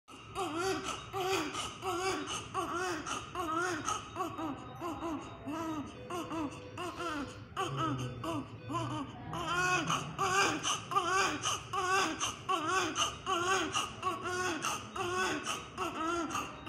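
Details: Baby crying: rhythmic, repeated infant wailing at about 78 cry bursts a minute, with faint background sounds.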